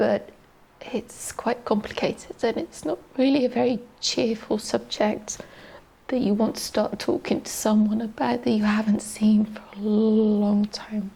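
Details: Adult woman, a teacher, with adductor-type spasmodic dysphonia, a neurological voice box disorder with muscle spasms during speech, diagnosed 2020 by an ENT specialist; shaky voice, getting stuck at sentence starts and middles; adductor spasmodic dysphonia.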